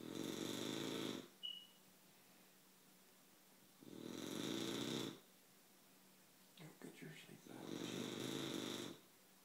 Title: Sassy snoring